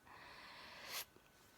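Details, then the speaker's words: During a sneezing bout in which earlier sneezes were mild, a breathy intake builds for about a second, then one sharp, hissing sneeze bursts out, followed by quiet room noise. The sneezer says it may be one of the best sneezes so far. "this may one of the best ones I've had until now"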